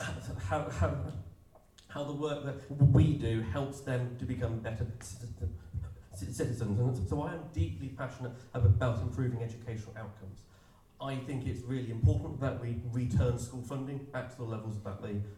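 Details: Stammer (stuttering) in an adult man who describes himself as openly disabled and says his stammer can be heard, speaking at an election hustings.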